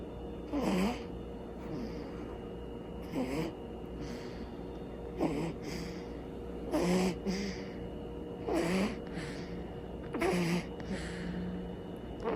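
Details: Newborn baby asleep: soft, regular snorting breaths with a faint squeak roughly every two seconds over a steady hum; infant snoring.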